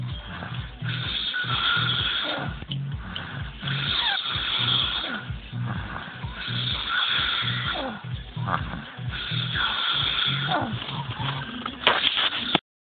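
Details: Man snoring while asleep; loud, rattling snores on each in-breath, about 20 a minute, steady throughout.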